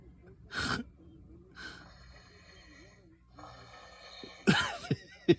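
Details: Irregular snorting, snore-like breaths with a few loud bursts while sleeping, faint music in background; snoring.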